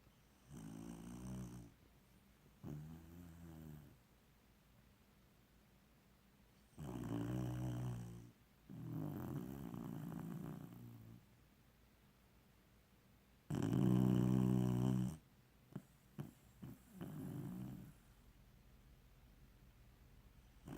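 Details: Snoring like a person until the AC turned on and woke him: rhythmic low rattling snores, about six in twenty seconds, with quiet pauses between breaths.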